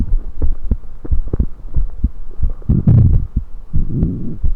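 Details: Self-recorded with a USB electronic stethoscope while drinking soda: dull low heartbeat thumps with brief gurgling burps from the oesophagus; normal heart sounds.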